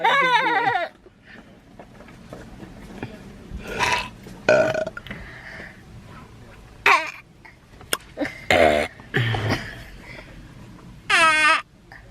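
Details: Repeated burping: several loud, drawn-out voiced burps separated by chatter and laughter.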